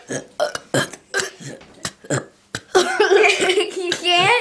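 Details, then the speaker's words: A person burping on request: a rapid run of about eight short burps, then one long drawn-out voiced belch, with talk around them; repeated burping. "And it smells! Where did you get all those burps from? Nowhere. Just keep on doing"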